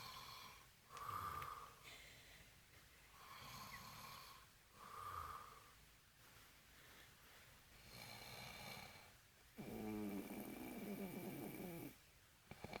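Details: Drunk man snoring loudly with rattling snores roughly every four seconds, ending in a longer harsh snort; heavy snoring.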